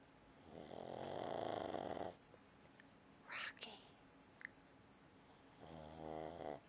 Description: Rocky the pug - snoring loudly...as always. He does't seem to mind, but he's not being kept up all night by the sound of a chainsaw...